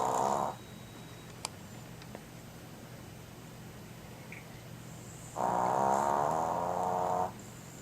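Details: Female pet asleep, snoring loudly: two loud, buzzing, rattling breaths separated by a quiet pause.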